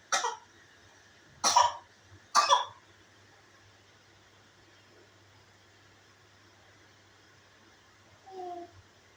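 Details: Baby made to cough on purpose: three short, dry coughs followed by a brief small vocal sound; a deliberate, made-up cough.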